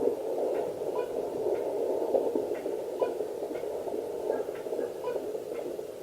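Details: At 9 weeks pregnant, a home handheld fetal Doppler with a 2 MHz probe and gel picks up fast, regular whooshing pulses: a normal fetal heartbeat, with a reading of 141 per minute.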